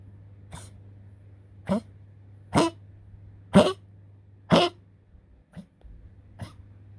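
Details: A coughing poodle gives a run of about seven short, harsh coughs in quick succession against a steady low hum; continued coughing can cause suffocation and unconsciousness.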